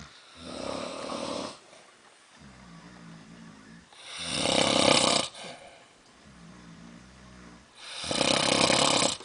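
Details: Two adult men snoring in a cabin: loud, harsh snores alternating with quieter rumbling ones, about seven to eight breaths a minute.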